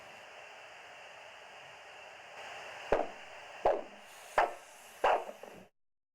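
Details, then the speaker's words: Ankle-brachial index measurement with a Doppler probe over an ankle artery, cuff inflated 20–30 mmHg above flow cessation then slowly deflated: steady hiss, then four sharp whooshing pulses at about 82 a minute; arterial signal returning at systolic pressure. "then slowly deflate the cuff until you hear the sound of the systolic pressure and recorded"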